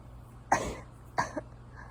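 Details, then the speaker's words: Acted, simulated cough in a roleplay: an adult playing a sick partner who has been sneezing and coughing all day gives two short, throaty coughs over faint room noise, imitating a cold. "i've been sneezing and coughing all day"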